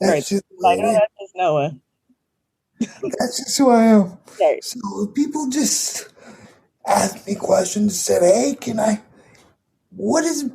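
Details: 22-year-old man with dysarthria from cerebral palsy affecting his muscles; he says tighter muscles make talking more difficult.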